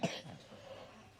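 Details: A single short cough from a child during a cold, followed by faint room noise.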